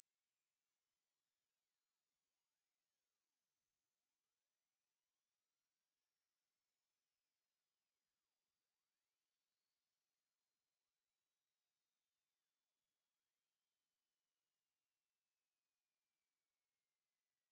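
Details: Simulated tinnitus pitch-matching sweep, a steady pure tone slowly rising in pitch, very high and faint, within a 100 Hz to 16,000 Hz sweep played by an audiologist for matching tonal tinnitus.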